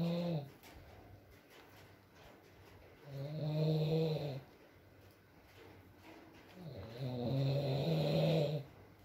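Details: Adult man (boyfriend) asleep, ASMR recording with rain: three low, droning snores about three seconds apart, with soft room noise between them; snoring during sleep.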